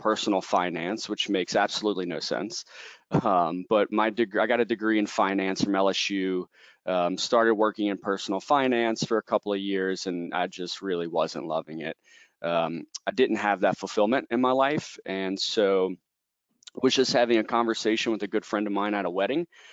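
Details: Adult male speaker; Normal speech.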